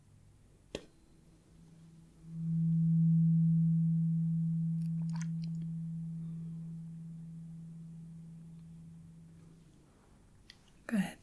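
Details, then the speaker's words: Low, steady hum from a struck 128 Hz tuning fork, fading slowly over about seven seconds, during a simulated roleplay ear exam hearing test. "so I have a few tuning Forks here we have a very low one this is 128 Hertz and you may or may not be able to hear it it's not a big deal if you can't the other ones are easier to hear"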